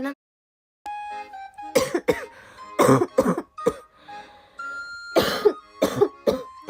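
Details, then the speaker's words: Persistent dry coughing from a girl who says she can't stop coughing: about eight short coughs and throat clears in quick clusters, with faint music behind; cough. "本当に咳止まんない。"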